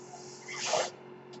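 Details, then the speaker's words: Speaker's own mechanical ventilator heard while he talks on a podcast: a brief hissing rush of air rises and falls over a steady low mechanical hum, one delivered ventilator breath. "That noise you're hearing. That noise you're hearing is my ventilator."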